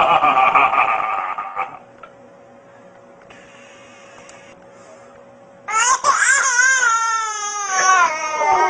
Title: Extremely Funny Video of Cute Baby Crying